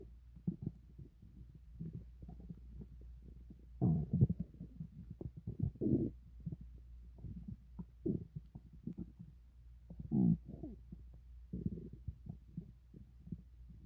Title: my stomach growling read desc